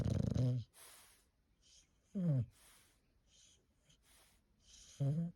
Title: Snoring time Fergus #shorts #bulldog #foryou